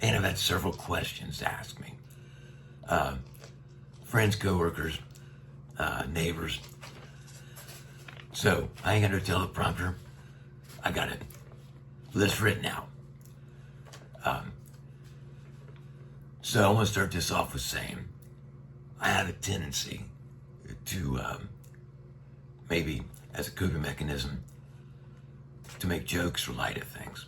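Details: Adult man with neck cancer treated with radiation that brought his vocal cords very close together, tracheostomy for a year, speaking through a one-way speaking valve; dysphonia with tracheostomy speaking valve.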